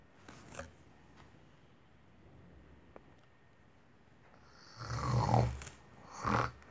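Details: Woman snoring: quiet breathing, then two loud, rough, low rattling snores on breathing in, in a quiet room.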